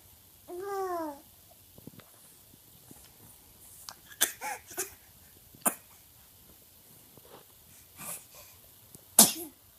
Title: baby laugh and sneeze